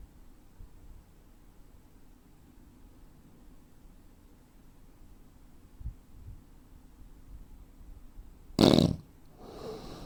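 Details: About eight seconds with no audible breathing, then a sudden loud snorting gasp and a softer breath, from a 43-year-old man, 85 kg, 165 cm, snoring with sleep apnea: apneic breathing pause; real-life recording.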